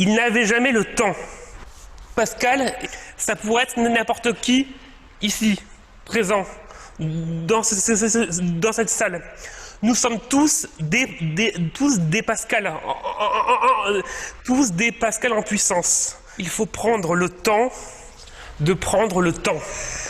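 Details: Male French speaker who stutters, rehearsing a semi-final speech in a public-speaking contest for people who stutter, fairly fluent overall with stuttering arising from time to time; stuttering.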